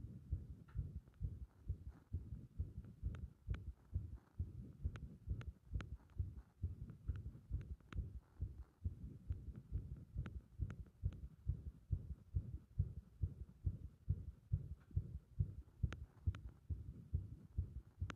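Muffled rapid heartbeat, about 130 to 140 a minute, with uneven spacing between beats, fitting an irregular rhythm.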